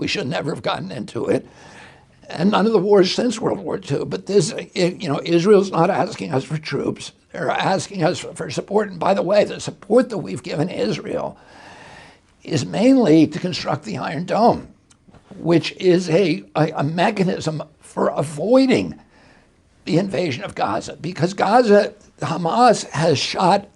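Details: Spasmodic dysphonia in an adult male, attributed to a neurological injury in 1996 at age 42 that causes his brain to send the wrong signals to his vocal cords.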